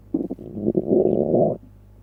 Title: Stomach noises after eating pizza